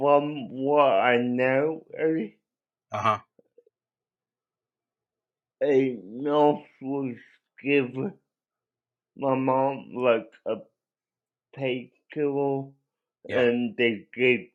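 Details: Dysarthric speech in a man with cerebral palsy.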